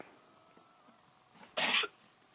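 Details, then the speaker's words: Goat sneezing: a single short, sharp explosive burst through the nose after quiet. "He's sneezing. Look, he sneezes at you again."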